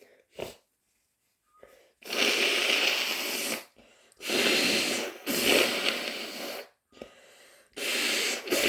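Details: Several long, wet, hissing bursts of air in a row with brief pauses between them: a series of wet chhinkni sneezes.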